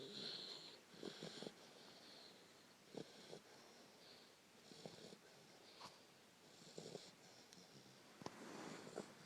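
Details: Harlequin Great Dane puppy asleep: soft whistling, wheezy breaths with snuffly snores and small sleep noises ("talking" in her sleep); noisy sleep breathing.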